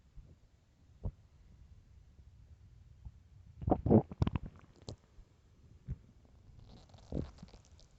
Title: empty stomach growls